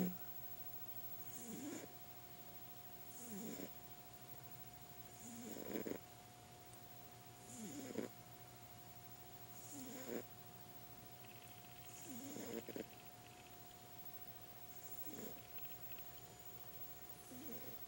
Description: Our cat Hazel is a regular snorer.